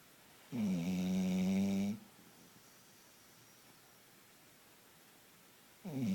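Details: A loud, buzzing, tonal snore lasting over a second from a sleeping female dog, then a long quiet pause before the next; snoring.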